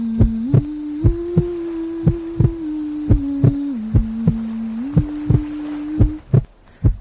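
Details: Baby sleep-aid recording with white noise and melody: steady paired low heartbeat thumps, roughly 100 a minute, over a gentle hum and hiss; heartbeat.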